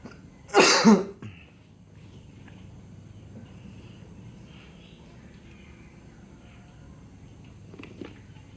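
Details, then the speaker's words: Forceful dry cough with a short trailing throat sound from an adult who has a dry cough and itchy throat, then quiet room noise; the person suspects a seasonal cough going around. "Kebetulan gua lagi sakit kering, tenggorokan gatal. Gua mau nyoba beberapa cara ngobatin batuk kering dan batuk berdahak."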